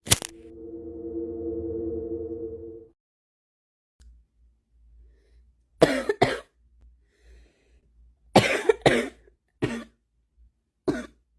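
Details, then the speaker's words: Adult's morning smoker's cough: six harsh, raspy coughs in short bursts after a brief steady tone; the person says the cough is back and their lungs crave a cigarette. "and I'm coughing my lungs are telling me hey you need a cigarette oh I would kill for a cigarette and coffee right now"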